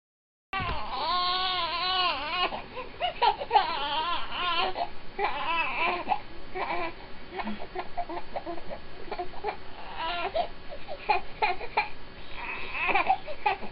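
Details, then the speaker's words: Young infant boy with colic, crying constantly for his first 3 months and not soothed by feeding, burping, changing or bouncing. Intense, high-pitched, sustained crying with rising and falling wails and brief gasps; colic crying. "I've got a couple clips of my son when he was younger and I'm really glad I took them now I felt kind of bad because he was crying"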